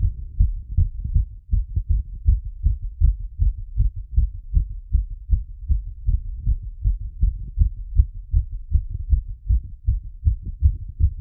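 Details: Heartbeat through a stethoscope after a workout plus squats: strong, fast, regular low thumps, quickened but normal rhythm; heart sounds after exercise.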